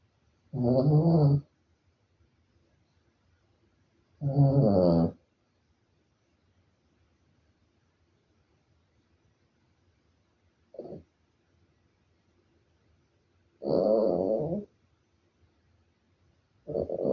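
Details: A sleeping Maltese dog snoring: loud, rattling snores at irregular intervals, about 16 a minute, with silence between and one brief weaker snore.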